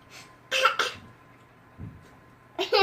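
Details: Child's voluntary fake cough: two quick, forced cough bursts, then a soft grunt and another cough, imitating a real cough.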